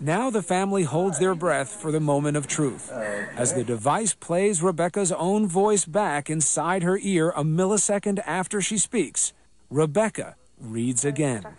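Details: Adult male narrator; no speech disorder.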